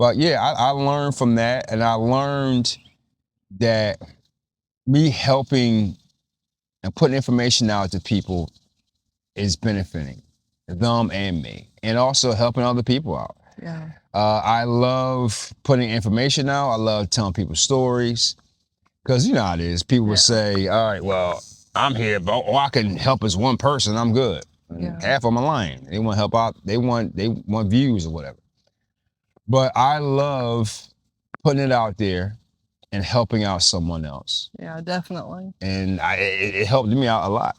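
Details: Stuttering in an adult man with a stammer that was severe in childhood and persists now, especially when asking a written-down question; it improved after being taught to slow down and breathe.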